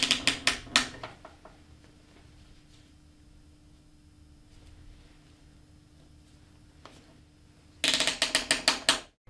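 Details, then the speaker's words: Rapid bursts of ratcheting clicks at the start and end with a quiet pause between: white safety clamps being closed on the tubing after priming and de-airing an iLA extracorporeal membrane ventilator. "the white safety clamps on the tubing should now be pushed up close to the connector and then close completely"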